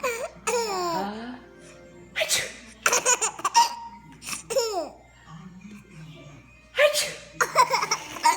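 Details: Imitated (fake) sneezes from an adult saying "Achoo!", each followed by a baby's bursts of laughter; not a real sneeze.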